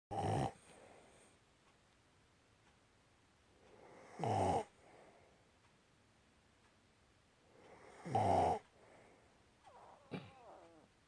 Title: Adorable Dog & Owner Snoring Together